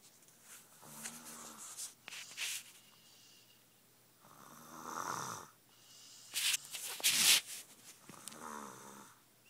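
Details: Irregular snorts and raspy breathing during sleep, some high-pitched and whistling, in a quiet room; snoring.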